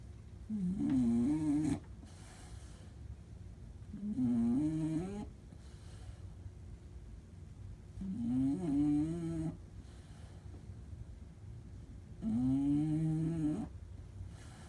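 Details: Snoring: four slow, rhythmic, droning snores at about 15 a minute, each a rumbling tone on the breath with quiet gaps between.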